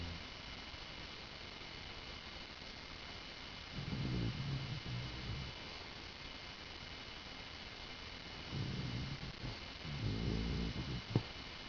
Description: This is my Dog Lily snoring while sleeping on my bed.